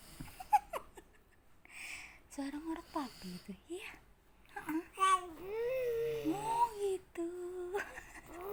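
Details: Infant imitating their father's snoring: playful babbling and rough, snore-like noises while a parent speaks softly in a small room; imitated snoring.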